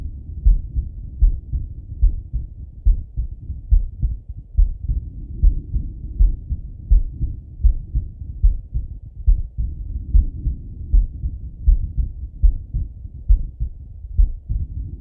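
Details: Male heartbeat by stethoscope while lying on his left side; steady, regular low thumps at about 70 beats a minute, normal heart sounds.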